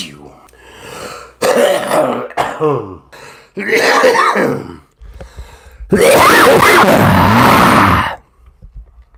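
Several harsh coughs and throat clearings from an adult, with a long bout of coughing near the end, in a small room.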